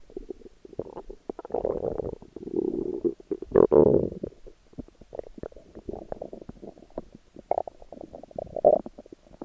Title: My Stomach Growling while in a Bikini. 🥰💕